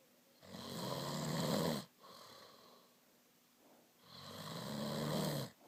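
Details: Ordinary snoring during sleep: two long, rough, rattling snores on breathing in, with a quiet breath out between.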